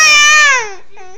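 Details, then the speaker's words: A loud, high-pitched wail from a one-year-old girl having a tantrum, reportedly because she wants a phone, falling in pitch and trailing off; toddler tantrum crying. "if any one of you guys um have ever dealt with um tantrum she's having Tantrums at one"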